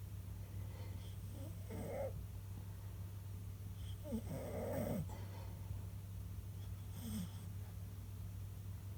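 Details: Loud snoring during sleep: three rough, rattling snores about 2.5 seconds apart, roughly 20 breaths a minute, over steady low room hum; ordinary snoring.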